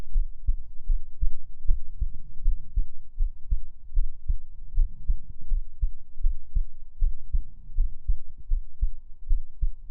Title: Rest your head on me... (Heartbeat sounds)